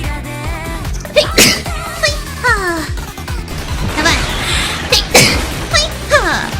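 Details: A VTuber sneezes five times in a row, a fit that happens in about every other stream: quick voiced sneezes mixed with squeaky vocal sounds over background music. Repeated sneezing.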